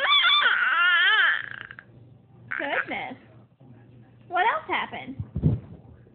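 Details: Baby described as a noisy sneezer: a high, wavering cry, then shorter fussy cries and a brief noisy burst; infant cry.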